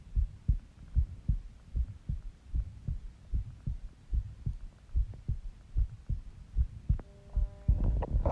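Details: Person's own heartbeat recorded while resting and partly sleeping: regular lub-dub at about 75 beats a minute, with brief electronic tones near the end; normal heartbeat.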